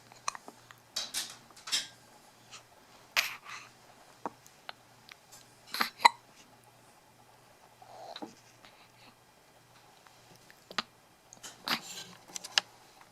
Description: Hard to complain, yawn or sleep when the hiccups get in your way.